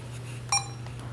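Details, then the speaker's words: DF 12M infusion pump demo with IV fluid set, after setting drops-per-mL, rate and total volume: a single short electronic beep over a steady low hum, an error because air is in the line; infusion pump air-in-line alarm. "काट कि दोबारा क्योंकि error है air आ रही है"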